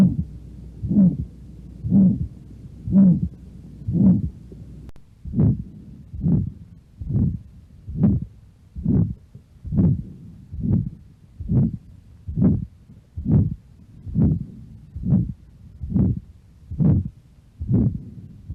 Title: HEART SOUNDS AORTIC STENOSIS